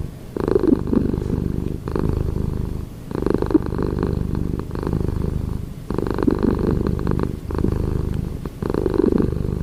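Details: A sleeping cat snoring: low, rumbling, fluttering sounds that rise and fall with each breath, with brief quiet gaps between cycles.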